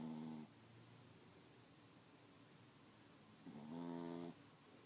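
Two voiced, buzzing snores about three seconds apart from a sleeping dog, with quiet room noise between.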